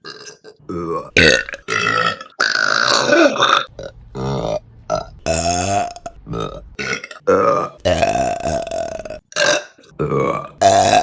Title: Burping Compilation September #5 |